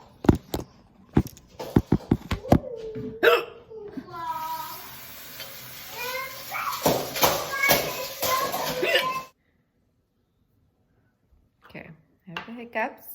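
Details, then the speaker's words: Adult woman (a mom) with hiccups: repeated sharp, abrupt hiccup catches, about 79 a minute and uneven, mixed with a child's voice and room noise; hiccups gone after one sip using a device. "Okay, I have the hiccups, let me grab"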